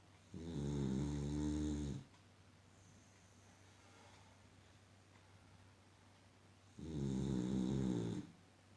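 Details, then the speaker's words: A female Boxer dog, asleep and snoring for the last hour, gives two long, loud, rumbling snores on breaths in, separated by quiet breathing out; ordinary snoring. "snoring and sleeping. From last 1 hour, she's snoring and sleeping."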